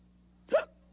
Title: Sesame Street: Two Headed Monster- Hiccups (1979)